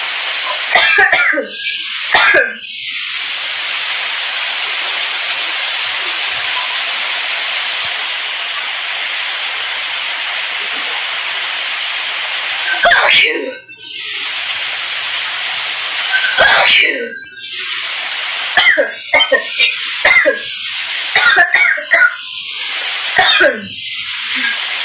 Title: sneeze strong